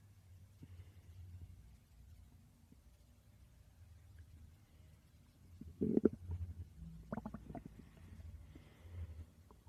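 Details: Stomach growling recorded during sleep: faint low rumble, then a short burst of gurgling and squeaky bubbling midway; ordinary borborygmi.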